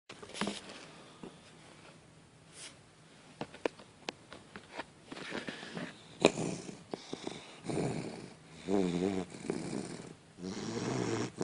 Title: 11 week old bassett hound snoring